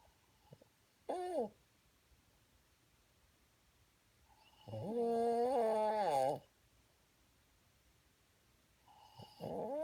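Intermittent low groaning, tonal snores in irregular bursts against a quiet background: snoring.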